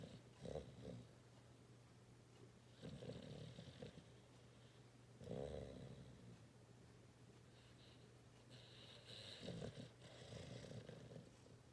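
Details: Dog snoring and twitching while asleep: rough, rumbling snoring breaths about every three seconds over a low steady room hum.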